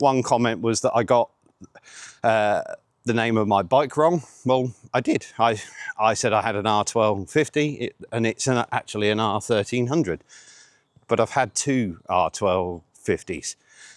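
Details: 47-year-old man with stuttering (stammering) since age eight.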